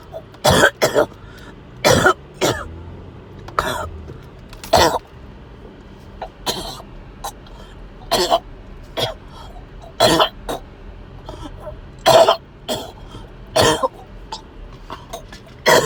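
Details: Person with fever coughing after overheating, also feeling sick to the stomach: repeated harsh coughs and throat clearing, about a dozen bursts in clusters over sixteen seconds.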